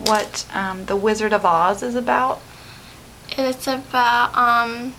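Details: Young female speaker; typical speech.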